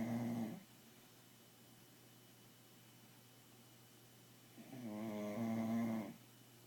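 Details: Bulldog puppy snoring asleep at night at home: two loud, buzzing snores on drawn breaths, about six seconds apart, with quiet pauses between.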